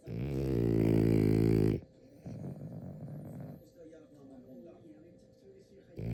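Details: French bulldog asleep with eyes open: a loud, vibrating snore, then softer rattling, snuffling breaths; snoring.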